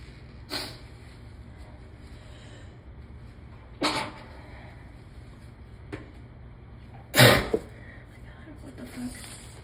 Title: 5/1/23 - more messy allergy sneezes in the work bathroom